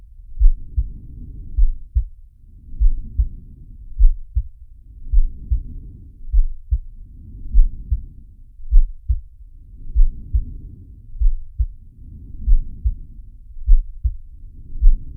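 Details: Heartbeat with breathing from the Zig & Sharko animated cartoon (Sharky): regular low heart thumps, about 50 a minute, with slow rhythmic breathing swells underneath.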